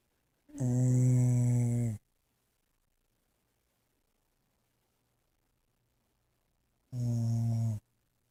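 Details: Sleeping dog: two deep, rough, droning breaths with long quiet gaps between them; snoring.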